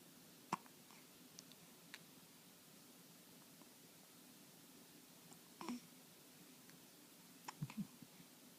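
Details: Person hiccuping while smiling: a few brief, abrupt catching sounds spaced seconds apart in a quiet room; hiccups.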